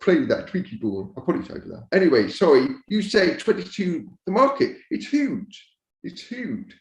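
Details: Adult man born deaf who learned to speak rather than sign, now using a cochlear implant after years of hearing aids; he says his speech is not perfect and automatic captions sometimes mishear it; deaf speech.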